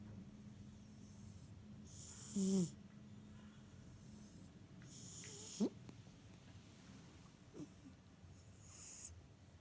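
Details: Sleeping fat cat snoring with soft, irregular breaths and a faint rattling buzz, roughly 20 per minute.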